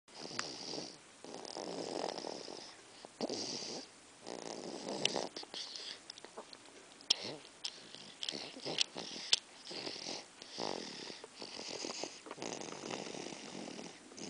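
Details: Man snoring: rough, rattling breathing noises in quick repeated bursts with a wheezy, snuffly quality.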